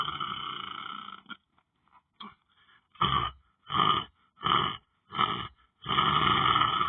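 Short, rough, rattling snoring bursts in quick succession, separated by brief silences.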